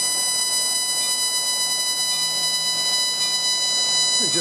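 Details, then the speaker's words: Continuous high electronic tone of a Luminous CO2 surgical laser making a bloodless incision for lower-lip reduction in a Caucasian patient, over faint room noise. "so we're going to make our laser incision with the luminous co2 laser and this is really very similar to blepharoplasty"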